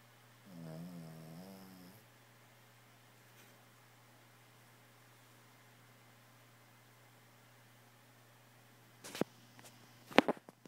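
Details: Snoring in a resting dog napping on a comfy bed: a single soft, rattling snore in a quiet room, followed by faint rustling.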